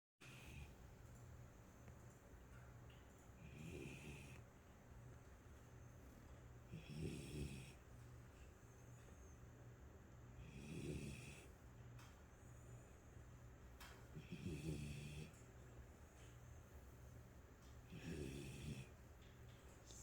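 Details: A son snoring like his father: low, rough snores about every 3.5 seconds, roughly 17 a minute, over a steady room hum.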